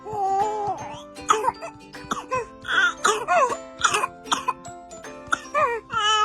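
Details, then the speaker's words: Example of whooping cough (pertussis, Bordetella pertussis): repeated harsh cough bursts in quick runs over background music. "La tosferina es una enfermedad altamente contagiosa causada por la bacteria bordetela pertusis."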